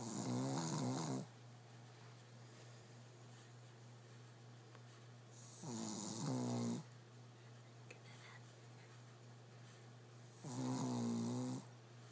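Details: Shih tzu sleeping on his back under blankets with a pillow, snoring like a human: three rough, fluttering snores about every five seconds, roughly 13 breaths a minute, over a steady low electrical hum.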